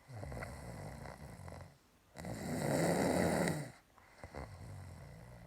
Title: She snores again